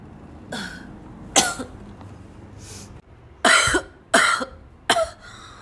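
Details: About six hard, harsh, barking coughs, several with a rough throaty edge, in a repeated coughing bout as if choking on the cough; road noise behind.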